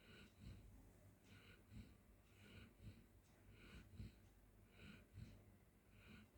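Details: Golden Retriever dog asleep on the floor snoring: quiet, rhythmic low rumbling breaths with soft snorting noises on each cycle, about 50 a minute.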